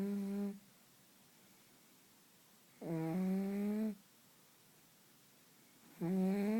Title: Pug snoring like a trucker